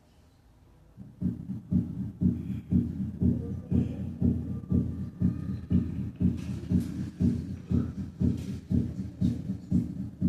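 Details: Physiological splitting of the second heart sound: regular heart sounds at about 120 beats per minute with a split S2.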